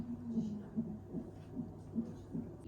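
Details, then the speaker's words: Fetal heartbeat at about 145 a minute from a fetal monitor: fast, even whooshing pulses, recorded in hospital at 39–40 weeks' gestation around a membrane sweep. "അതെ ഇത് 145 കുട്ടിയുടെ heart beat ആണ്"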